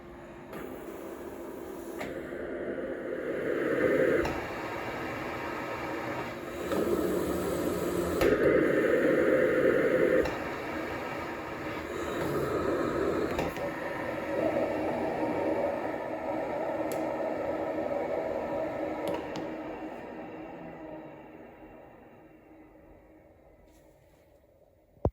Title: Cough Assist E70